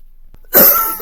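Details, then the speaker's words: Single harsh, forceful cough after a brief quiet moment, from a person whispering during an ongoing asthma attack (seen by a doctor the day before) who says the attack is why they are coughing so hard. "Disclaimer, I am whispering because I am in the middle of a literal asthma attack and my asthma attack does not show. I went to the doctor just yesterday and I was legitimately in the middle of it. That's why I'm coughing so hard."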